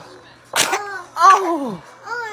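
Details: Baby's first sneeze: one sharp, breathy infant sneeze, then a short whiny vocal sound; sneezing.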